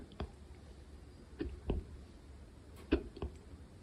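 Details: Hiccups recorded quietly late at night: several short, abrupt, soft gulping clicks at irregular intervals in a quiet room.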